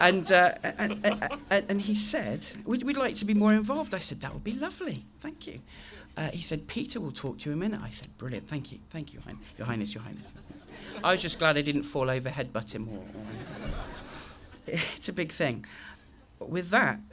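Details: Adult male with a very chronic stammer since age three, managed with the McGuire programme (costal breathing technique); stuttering with repetitions such as "I I I".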